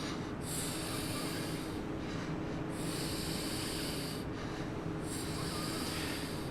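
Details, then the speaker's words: Simulated asthma attack in a dental practice, cat-triggered, patient without her reliever inhaler: noisy, effortful, quick breathing at 22 breaths a minute, pulse 98, breathless 15–20 minutes. "you're actually breathing quite quickly at 22 times a minute"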